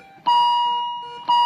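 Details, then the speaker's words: Steady electronic alarm tones repeating about once a second from an ICU patient monitor, played as a teaching demonstration of alarm tones; a monitor warning alarm signalling a parameter outside set limits. "Just give me a second so that those who are new to ICU, you can though this is the monitor. Okay, just pay attention to the different tones that are coming."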